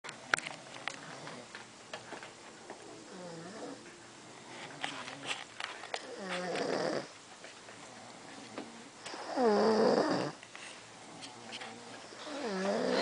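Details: Two intoxicated adults passed out asleep on a bed, taking turns snoring: loud, rattling snores in bursts, about 20 snoring sounds a minute.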